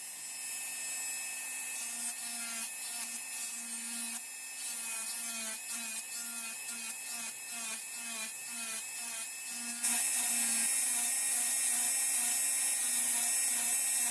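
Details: Simulated preparation of mandibular first molar (FDI #36) on a typodont for full veneer crown: steady high-speed handpiece whine with brief pitch dips, reducing occlusal half of buccal surface with slight lingual tilt.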